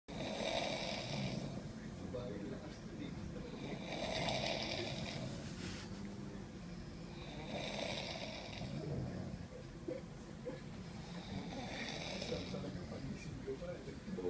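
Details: Loud, rough, rattling snores with each breath, about four slow breath cycles in fourteen seconds; snoring.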